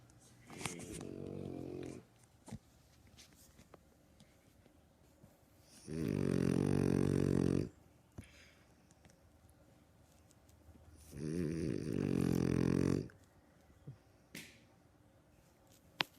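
Three long, rumbling, vibrating snores about five seconds apart, each lasting one to two seconds, with quiet pauses between; snoring in a sleeping dog.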